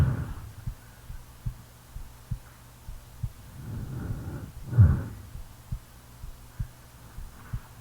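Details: Real heartbeat recorded during sleep: steady low thumps at about 70 beats a minute with slow snoring breath in the background; normal heartbeat.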